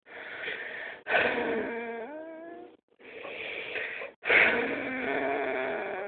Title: Weird noise when i breathe deep